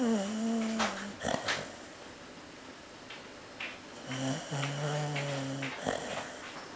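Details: Light snoring from Cocoa, a sleeping female Chow Chow: two drawn-out humming snores a few seconds apart, with faint thumps and room noise between. She seems to snore louder as footsteps approach and people talk in the background.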